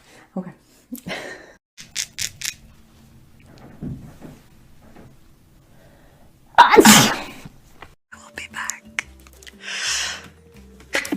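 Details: Sneezing in a young woman, hashtags mention allergies and sinuses: one loud, sharp sneeze amid quiet murmuring, small clicks and faint music.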